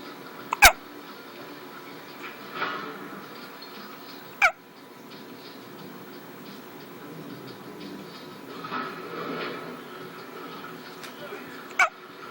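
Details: Infant falling asleep with hiccups: three sharp, brief hiccup clicks at irregular gaps over about twelve seconds against soft room noise; hiccups.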